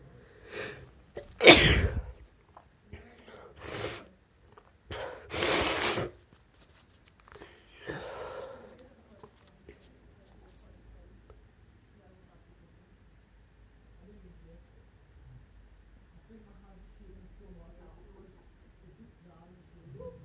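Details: Induced sneezes from a male: about four sharp, explosive sneezes, each with a quick breath in before it, then quiet breathing in a small room.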